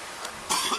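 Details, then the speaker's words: An adult man coughing outdoors without a mask gives a single short, forceful cough against steady wind noise, preceded by a faint breath; an ordinary isolated cough. "you might want to tell the lady in your car to roll up her window because my man is coughing this way"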